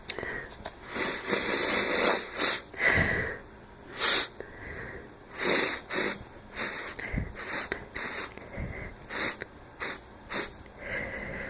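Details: Dry, allergy-like sniffles with mild trouble breathing: repeated short sniffs and noisy breaths, then a single small cough with a wheezy edge near the end.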